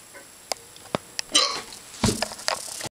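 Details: Kitten hiccups: several brief sharp clicks at irregular short intervals, with faint rustling and a few louder noises in a small room.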